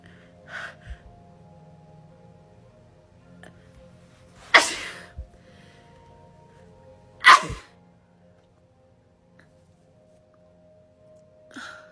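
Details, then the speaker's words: Person in a suspected allergic attack, sneezing nonstop for about 2 hours, feeling something in the right nostril (suspects a gnat): two forceful sneezes a few seconds apart with quiet breaths; repeated sneezing. "The need to sneeze is real. I hate sneezing. I hate it right now."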